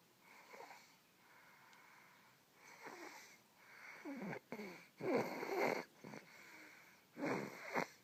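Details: Sleeping twin children snoring: irregular, overlapping noisy breathing with rough, fluttering and faintly whistling tones in a quiet room.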